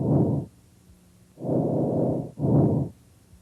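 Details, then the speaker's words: Stethoscope auscultation over the trachea during a head-to-toe respiratory assessment, one full respiration: loud, high-pitched, harsh, hollow breath sounds with a clear pause between inhalation and exhalation, normal tracheal breath sounds. "normal breath sounds vary with the area you're assessing you should hear tracheal sounds over the trachea these are high pitched loud and"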